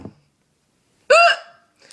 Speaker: hey guys it's here and of course i have the hiccups again oh my goodness i had them earlier today but they only lasted for like what two minutes